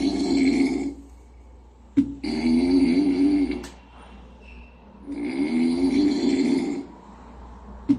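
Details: Sleeping kitten snoring: rhythmic, rough, buzzy snores on each breath, about 22 a minute.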